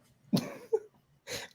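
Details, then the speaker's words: Two short, dry coughs with brief throat-clearing in a quiet room, from a person who says he has terrible asthma and coughs every few seconds. "when i have asthma i'm literally coughing like every five seconds it's awful"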